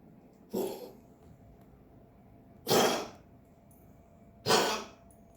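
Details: Dog coughing: three separate harsh, explosive coughs spaced a couple of seconds apart in a quiet room.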